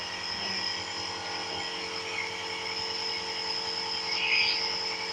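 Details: Steady high-pitched mechanical hum and hiss of a nebulizer compressor running during an inhalation treatment given for a cough.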